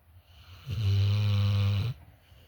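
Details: One loud, deep, rattling snore lasting about a second from Sable, with quiet breathing before and after; snoring.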